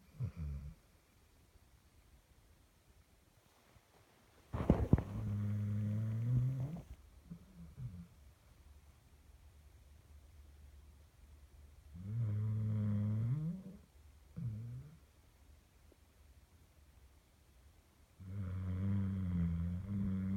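Quiet room with a few long, low, rumbling snores on the breaths in, a separate snore about every six seconds.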